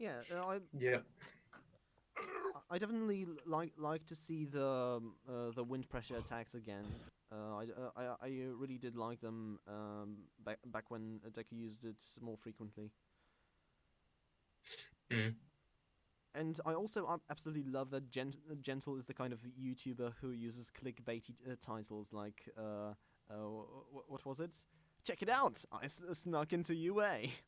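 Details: Stuttering in a male podcast host who calls himself a stammering host, on a show combining podcast and speech therapy; stuttering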